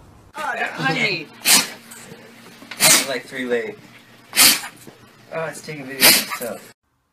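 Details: Dog and cat sneezing: four sharp sneezes in quick bursts with soft snuffling between them.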